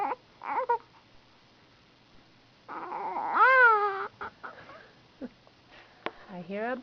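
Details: Baby girl fussing, and the caregiver wonders if she is hungry: a short fussy cry with one rising-falling wail between soft whimpers and quiet pauses.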